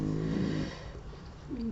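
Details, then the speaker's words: Low rumbling snore under steady room noise from a sleeping female dog described as very tired; ordinary snoring. "Si vous entendez ronfler, c'est la boubou, hein, comme d'habitude."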